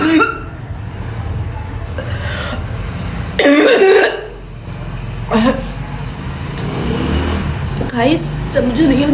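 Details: Several forced coughs with throaty voiced sounds between them over steady vehicle hum; deliberately imitated coughing by a woman doing a cough challenge.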